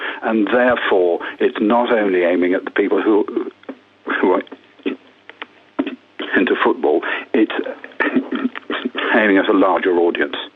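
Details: Stammering in an adult woman who has stammered for 60 years, speaking on a radio phone-in.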